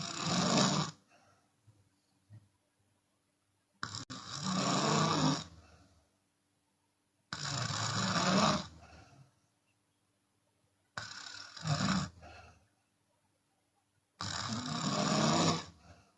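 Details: Chinese woman snoring with her mouth open during sleep: loud, rough, rattling snores about 17 a minute, some followed by an audible breath out, with quiet pauses between; open-mouth snoring.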